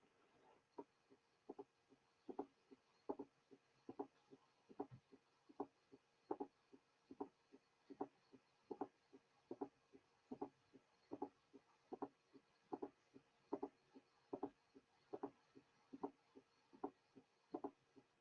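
Regular heartbeat near 75 a minute with an extra soft sound just before the first heart sound, a pathological S4.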